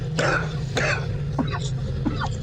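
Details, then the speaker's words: Adult man who says he coughs often: two short, rough throat-clearing coughs over a steady low background hum. "Because I hate to talk too much. You can hear me how often I cough."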